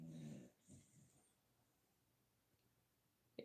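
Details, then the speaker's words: A sleeping dog gives one loud, rumbling snore, then softer breathing in a quiet room, loud enough to be heard on a live chat; the dog is said to be fine; snoring. "I don't know if y'all can hear it or not, but Jasper's snoring."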